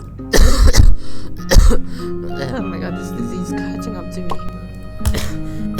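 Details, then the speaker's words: Several short, harsh coughs in quick bursts with some throat clearing, over steady game music and electronic tones; the person says they can't stop coughing. Plain cough. "I think I should probably stop coughing but I can't this is literally human things think to cough lite"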